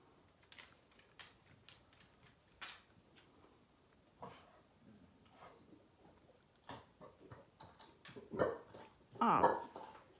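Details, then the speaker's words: Dog vomiting indoors: a series of rhythmic gulping, heaving sounds building to louder retches; retching and vomiting in a dog. "the dog is barfing up come on kitty let's go outside"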